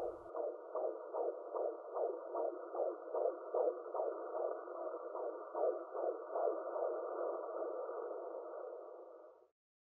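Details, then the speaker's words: A simulated abdominal assessment of a pregnant woman on a birthing model, using a Doppler to listen to the fetal heartbeat: a rapid, regular, galloping whoosh at about 150 per minute, a normal rate. "Katelyn is conducting an abdominal assessment of a pregnant woman using a Doppler to listen to the fetal heartbeat"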